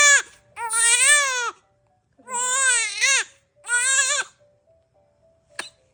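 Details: Infant crying during nose cleaning: three loud, high-pitched wailing cries, each about a second long, separated by short pauses; an ordinary crying episode.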